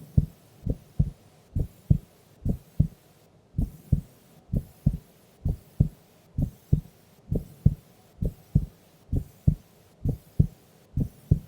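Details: Heartbeat of a sleeping female during an afternoon nap: steady paired lub-dub beats at about 65 a minute, normal resting heart sounds.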